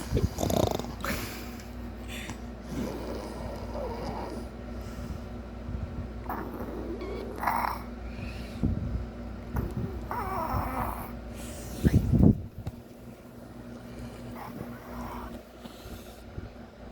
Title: pig snoring